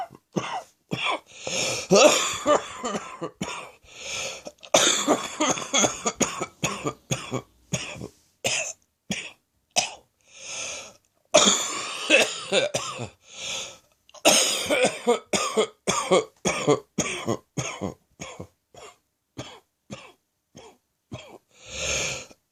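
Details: Evening cough in a person with a chest infection: repeated wet, chesty coughs in clusters, with harsh rattling bursts and brief breaths between them, a productive (chesty) cough.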